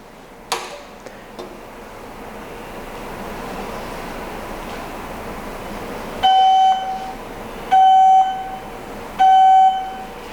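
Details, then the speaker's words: Heal Force electrosurgical generator plate contact alarm, sounding on power-up because the patient return plate is not yet attached to the skin: three loud repeated beeps after quiet room noise. "and now you can hear the alarm because we have not attached this plate to the patient and now i will attach it to the skin"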